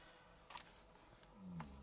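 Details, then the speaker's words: Dog named Lady snoring gently while asleep indoors, a soft low rumbling snore heard once against quiet room noise, quieter than usual; snoring. "right okay i don't know if you can hear lady is in here and she's snoring weird that really gently today so not really really um loud"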